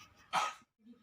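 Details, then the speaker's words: Child coached through a nursing-student demonstration of effective coughing (hands positioned, breath in, exhale through mouth, breath in, cough): one short, forceful cough burst, then quiet; voluntary effective (huff) cough. "Yang pertama posisikan tangannya, tarik napas, buang dari mulut, tarik napas, batukin, Dek."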